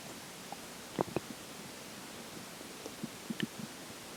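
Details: Digestion stomach growls at the point where water and air start taking major effect: faint, brief gurgles and squeaks over a hissing background, bowel sounds (borborygmi).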